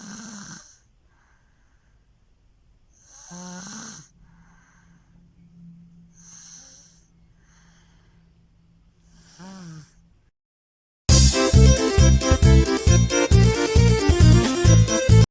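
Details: Baby girl snoring loudly: several low, buzzing snores on the in-breath with quiet gaps between, then loud music begins; infant snoring.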